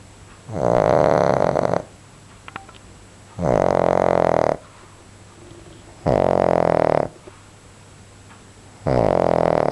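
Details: A sleeping dog snores loudly in regular rumbling bursts, about 21 a minute, with quiet pauses between; snoring.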